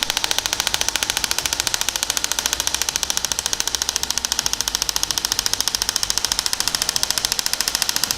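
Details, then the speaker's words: Radial shockwave treatment of plantar fasciitis on the foot with a linear 15 mm head: rapid, very regular sharp clicking pulses, about 13–14 per second, as the head is pressed then shifted about 1 cm at a time. "just perform the treatment you apply a little pressure and then you shift by around one uh sorry ten mil just one centimeter go down again apply pressure shift by one centimeter go up again"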